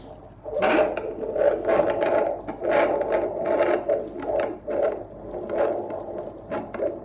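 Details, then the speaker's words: Second twin at 29 weeks of a twin pregnancy, on fetal Doppler at an antenatal visit: fast, regular, strong whooshing fetal heartbeat at about 144–146 beats a minute, normal. "This is strong. Very strong heartbeat. 145 146, 144, 145 again. So, these babies are strong with very strong heartbeats."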